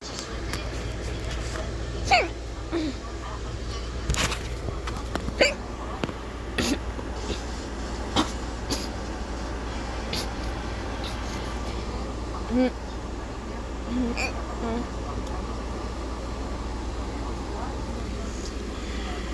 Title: Hiccups + Coughs (by choking) + sounds in the background